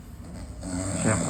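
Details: Person sleeping in the morning, very loud snoring.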